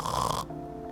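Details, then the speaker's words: Clinician imitating obstructive sleep apnea snoring: a rough, rattling snore, an exhale, then a snort as the collapsed upper airway meets resistance at the onset of inspiration and the sleeper chokes. "(snoring) and they breathe out... (exhaling) and before they breathe in again... (snort) ...they choke."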